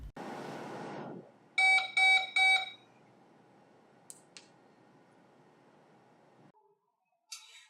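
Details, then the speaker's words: ClearLine IV air-removal device alarm: three loud, evenly spaced high beeps over faint room hiss, signalling a failed safety check; the alarm can be silenced with the top-left button. "there is a silence button on the top left-hand corner of the device you can press this button to silence the alarms while you are troubleshooting"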